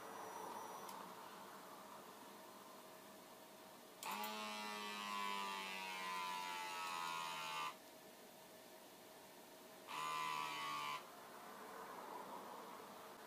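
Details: Sanitas automatic wrist blood pressure monitor on the left wrist, 1 cm from the wrist and held level with the heart: buzzing inflation whine slowly dropping in pitch, then a shorter second whine; reading 119/73, pulse 69.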